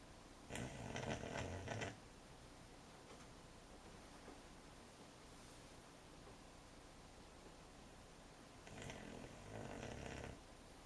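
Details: American Cocker Spaniel puppy asleep, two soft noisy snoring breaths against quiet room noise; ordinary puppy snoring.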